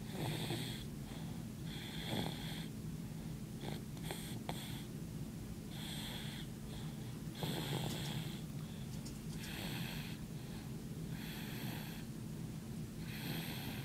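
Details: Snoring while asleep at the office: steady, rhythmic snoring with a rasping, hissing sound on each breath, about 12 breaths a minute, over constant room noise; snoring.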